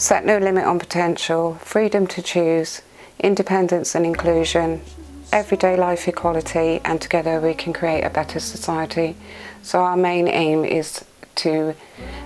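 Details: Adult woman speaking; ordinary speech.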